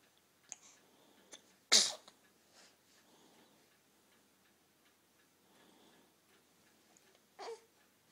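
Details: Single loud, explosive sneeze with quieter breaths and small noises before and after it.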